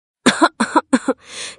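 Three quick, voiced coughs in a row, each with a double push, then a long noisy in-breath; a persistent cough.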